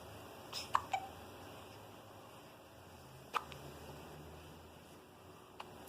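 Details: A few short, sharp hiccups at irregular intervals in a quiet room; hiccups.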